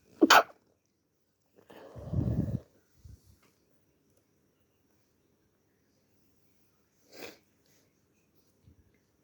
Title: Lots of sneezes with a good nose blow (show of tissue)